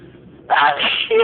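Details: Sneezing during a six-minute run of more than 30 sneezes: a quiet intake of breath, then a single sharp, forceful sneeze burst with a brief voiced ending.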